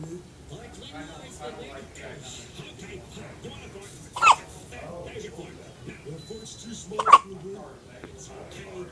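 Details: Baby with hiccups: two short, sharp hiccups about three seconds apart over quiet room noise and soft adult talk.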